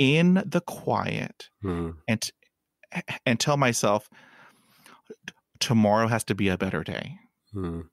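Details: Adult male podcast host who hid his stuttering for about 35 years and still stutters; real, non-acted speech; stuttering.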